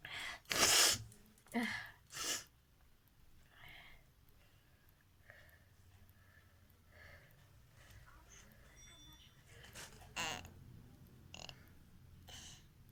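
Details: A sneezing challenge: a few sharp, explosive sneezes, each preceded by gasping in-breaths, then quieter sniffs and breathing in a small room.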